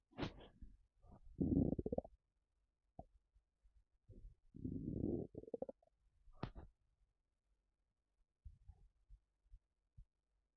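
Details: Irregular gurgling and low rumbling bursts separated by quiet pauses, from a person's stomach while sitting down: ordinary stomach rumbling, normal bowel sounds (borborygmi).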